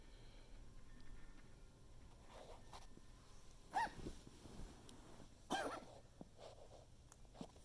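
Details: Coughing fit, recorded to document it for a vet.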